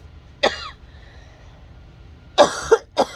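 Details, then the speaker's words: Adult woman with COVID-19, masked, with congestion: a single cough, then a quick pair of coughs after a short pause. "as for me i'm just dealing with a lot of coughing"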